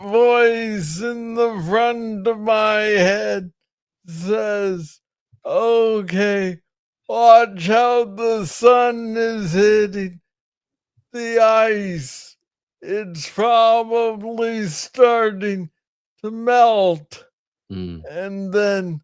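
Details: Adult man diagnosed with Parkinson's disease in 2014 at age 35, first misread as tennis elbow; noted to speak slowly. Parkinsonian speech with slow rate and long pauses.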